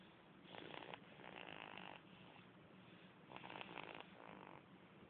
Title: Baby snoring... Just like mummy & daddy.lol.